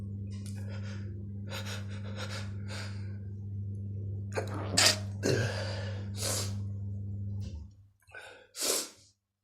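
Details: Sneezing attack: a run of sharp, explosive sneezes, some preceded by quick gasping in-breaths, over a low steady hum; repeated sneezing bout.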